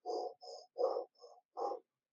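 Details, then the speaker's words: Hollow, blowing breath sound with a rounded 'o' timbre on both inspiration and expiration, imitated by mouth while teaching chest auscultation: cavernous (cavitary) breath sound over a lung cavity surrounded by consolidated lung. "El soplo cavitario no es nada más que un tubárico modificado en su timbre, en su timbre en forma de ojo, ¿no?"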